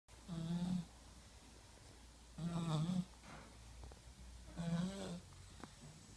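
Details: Snoring in a 1-year-old child asleep at night: three buzzing inspiratory snores, about one every two seconds, with quiet breaths between.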